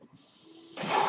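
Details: A mechanical ventilator used by the podcaster while speaking: a soft, steady hiss swells into a louder rush of air as it delivers a breath.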